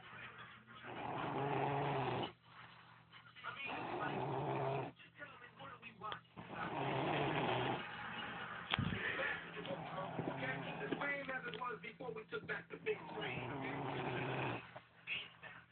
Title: Lil girl snoring her ass off lol